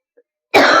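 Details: Adult with a persistent cough and cold, hoarse voice, not eased by many medicines and put down to the weather changing: a single harsh cough burst after brief silence.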